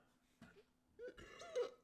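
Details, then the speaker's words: Person belching: a couple of short throaty belches with a rumbling voiced quality in a quiet room. "excuse me y'all so that was a pretty good belch I think"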